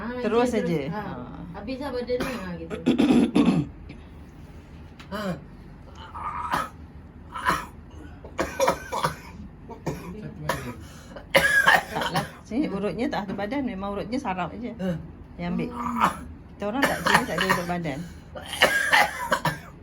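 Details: Adult receiving egg-nerve therapy, coughing for about a month, with lung complaints, constipation and low back pain: several harsh coughs and throat clears between voiced groans; persistent cough.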